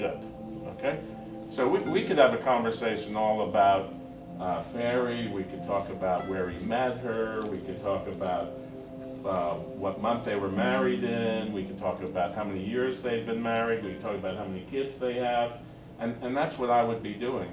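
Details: Adult man speaking; Normal speech.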